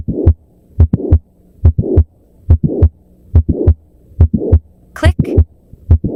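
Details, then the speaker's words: At the apex, regular heartbeat near 71 a minute with a sudden midsystolic click followed by a late systolic murmur that becomes louder on standing: mitral valve prolapse. "At the apex, you hear a sudden midsystolic click followed by a late systolic murmur. Here's the twist. It becomes louder when the patient stands up."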